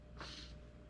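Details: Mechanical ventilator breath delivered through a tracheostomy in a person with quadriplegia from spinal cord injury, who also uses a diaphragmatic pacemaker.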